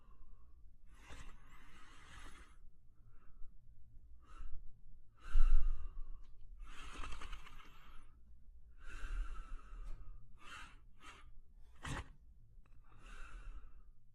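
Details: Sleeping German Shepherd dog snoring softly, with repeated noisy, whistling breaths through the nose.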